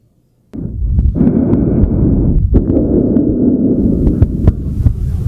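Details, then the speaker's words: Bronchial (tubular) breath sounds: loud, harsh, hollow breaths with inspiration and expiration of similar loudness and length, separated by a discernible gap. These are abnormal over lung tissue and can replace vesicular sounds in pneumonia consolidation, atelectasis or pulmonary mass. "branchial also known as tubular breath sounds should not be heard over normal lung parenchyma however bronchial breath sounds may replace the normal vesicular breath sounds in certain pathological findings which include the consolidated lung of pneumonia atelectasis and with a pulmonary mass it should be noted"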